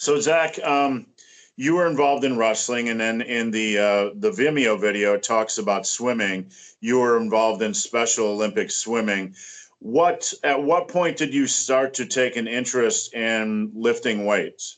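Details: Adult male speaker; typical speech.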